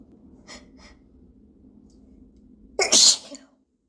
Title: Hitchy Sneezes